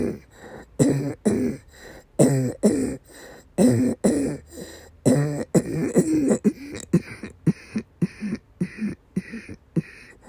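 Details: Female patient with persistent asthma attacks and migraine-cluster headache complex, coughing and vomiting: rapid, repeated harsh coughs and throat-clearing bursts in an uneven run, about 40 a minute.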